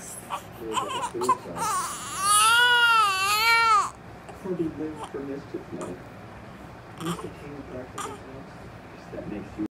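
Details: Infant crying during tummy time: fussy whimpers build to one sustained wailing cry, then trail off into soft fussing; an ordinary infant cry.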